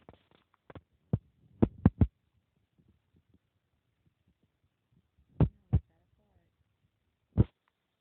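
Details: Hiccups in a newborn boy born at 7 lb 14.6 oz, last weighed 8 lb 5 oz and 20¾ in at a pediatric check.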